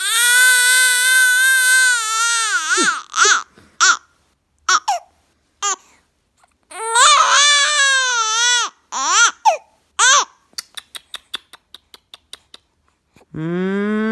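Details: Loud, high-pitched wailing cries with catching breaths and short sobbing gasps from a 2-month-old baby, frightened by humming during mum's hearing-response test; an ordinary young infant's distressed cry.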